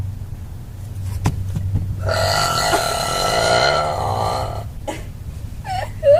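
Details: Girl belching: a long, loud, voiced belch lasting a few seconds, with room noise around it; ordinary burping.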